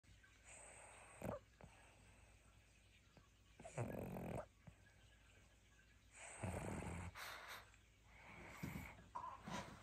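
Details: Pug sleeping at nap time: rough, rumbling snores and snorts at an irregular pace, with quieter breathing between: dog snoring.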